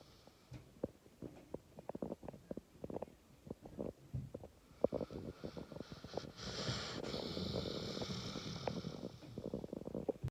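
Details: Sleeping pit bull dog with soft, irregular snuffling and low rumbling breath noises, then a steady hiss, described as snoring like an old man: light snoring.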